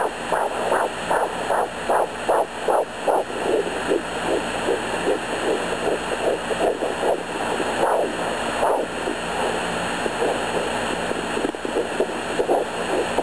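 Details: Pregnant woman at 11 weeks, home fetal Doppler: fast rhythmic whooshing pulses over steady hiss, roughly 150 bpm; she hears two heartbeats (about 162 and 150 bpm) and wonders about twins; fetal heartbeat.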